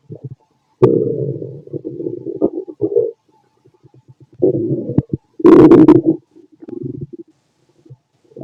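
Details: Fit adult male's stomach growling after lunch and a carton of milk: loud bubbling gurgles and rumbles in bursts with quiet gaps; bowel sounds (borborygmi).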